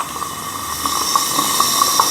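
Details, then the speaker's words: Root canal treatment, step 2 canal cleaning: final rotary file size 30, 6% taper, 21.5 mm working length, after sodium hypochlorite irrigation; steady high whine with brief chirps of the rotary endodontic motor. "This is my last file to clean, 30 number, 6%, 21.5 mm length. इसके बाद मेरी canal पूरी तरह clean हो जाएगी"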